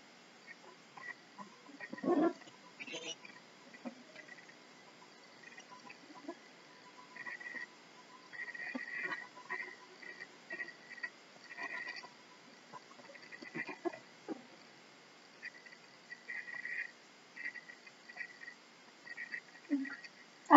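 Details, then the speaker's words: Stethoscope listening over the abdomen for vascular sounds during a demonstration of the abdominal exam, which matters especially in hypertension: scattered soft bowel gurgles with no whooshing pulse-timed sound, so a normal abdomen with no bruit. "Normally there should be no vascular sounds noted, but this is an important assessment to do on a patient, especially if they have hypertension."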